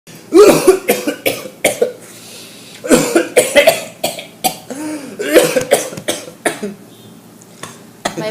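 An adult coughs repeatedly in short, harsh bouts; the coughing is acted.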